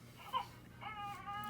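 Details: A 5.5-week-old newborn boy waking late in the morning from sleep, probably hungry: a short fussy sound, then a rising wail. An ordinary waking or hunger cry in a quiet room.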